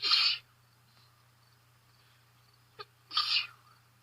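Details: Person with allergies sneezing outdoors: two sharp, explosive sneezes about three seconds apart with a brief sniff between, with much sniffling throughout.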